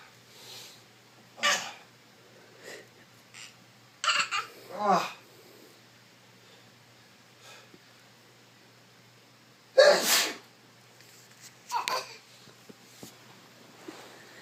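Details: A man's repeated run of sneezes, several sharp explosive bursts with an intake before some and quiet room noise between: sneezing.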